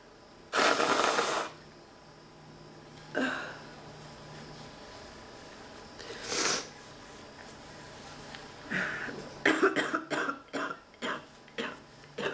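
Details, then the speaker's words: Persistent coughing fit of repeated harsh coughs, single then a rapid run of bursts, in a sick adult woman with a non-stop barking cough recurring within ten minutes, with a blocked nose. "this is incredible I don't have like more than 10 minutes in between everything where it's just like come and then it's man back to this"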